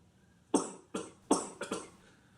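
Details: A run of five harsh, dry coughs in quick succession, each a sharp burst fading out, from a man smoking cigars; coughing fit.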